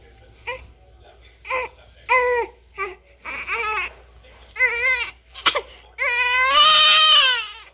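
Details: Newborn baby crying with short, high-pitched wailing bursts building to a long, loud sustained wail.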